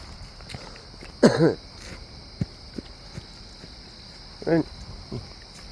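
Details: Cough outdoors, attributed to woodstove smoke while walking a dog.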